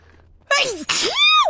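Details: A woman with allergies, out of allergy medicine, gives two quick sneezes, each with a sharp intake and voiced burst, during a sneezing fit.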